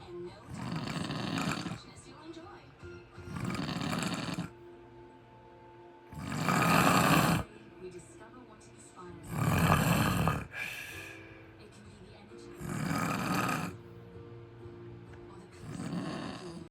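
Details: Sleeping man with regular loud rasping snores about every three seconds, roughly 20 a minute, over a faint background hum: heavy snoring.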